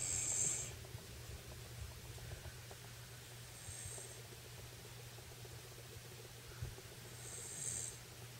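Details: Woman snoring while asleep on a bed with a small child after a bath: faint, whistling snore sounds about every four seconds, roughly 16 a minute, over a low room hum.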